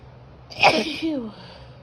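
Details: Female with grass allergy, symptoms bad that day, feeling exhausted: a single loud, voiced sneeze with sharp burst and falling vocal tail, from an allergic tickle.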